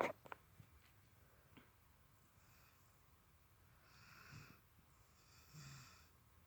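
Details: Kovu, a sleeping dog: a few brief snuffling noises, then soft, breathy snoring on two breaths in a quiet room; snoring.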